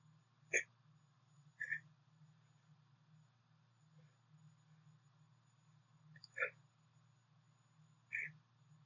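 Short, abrupt gulping catches repeat four times over about nine seconds with quiet between them: hiccups, over a low room hum.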